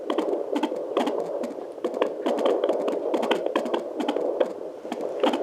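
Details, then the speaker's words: Fetal heartbeat of a boy at 9 months' pregnancy, home Sonoline-C 2 MHz pocket fetal Doppler with water-based gel; rapid, regular whooshing beats, display reading 125–135 per minute, normal range. "so now we're going to work on finding the little guy and it's a boy so so the heart rate should typically be around 130 to like 150 oh we found"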